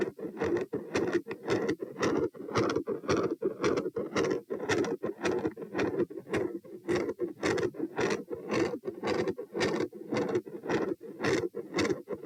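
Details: Heart auscultation at position P during a stress test (rates 72-90-102-114-90 bpm while lying, sitting, standing, bobbing, standing, lying). A fast heartbeat near 110 per minute, with a continuous rumbling machinery murmur and sharp high-pitched clicks.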